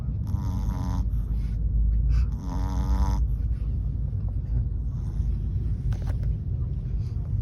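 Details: Chihuahua snoring in a taxi on the way home: two rattling, buzzy snores from a small dog over steady low road rumble.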